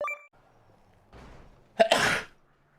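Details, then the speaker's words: A single sneeze: a brief indrawn breath, then a sharp explosive burst with a spray-like hiss, followed by snorts; the speaker says their nose is just so dusty. "Oh my god, my nose is just so dusty."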